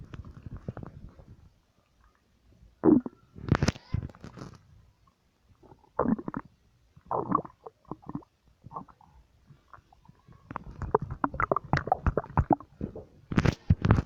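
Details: Irregular gurgling and rumbling abdominal noises with quiet gaps: ordinary stomach growling (borborygmi).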